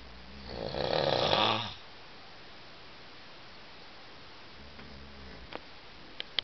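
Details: Adult snoring after two glasses of wine, keeping a seven-person dormitory awake: one loud, rough snore lasting about a second, then quiet breathing and the faint start of another.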